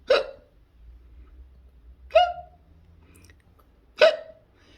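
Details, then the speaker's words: Cockapoo puppy with hiccups: three sharp, brief squeaky hiccup sounds about two seconds apart, with quiet room hum between. "chase off the hiccup jays have the hiccup oh oh the chase lee had taken yeah it will go away it will go away"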